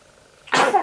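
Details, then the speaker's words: Baby girl in her first six weeks sneezing: quiet, then one sudden sharp burst of air, a normal newborn reflex that clears the nose. "Bless you. Bless you again. Bless you a third time. Bless you four."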